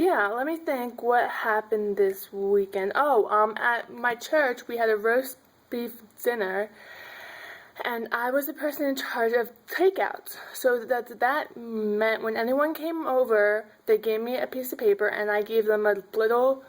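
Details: Adult woman who stutters, with prolongations on some words; stuttering.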